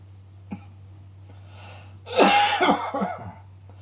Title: Cross Dressing Coughing 19